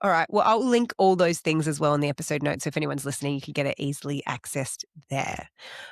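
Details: Adult man speaking; normal speech.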